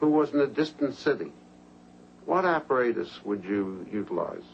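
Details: Adult male examiner speaking; normal fluent speech.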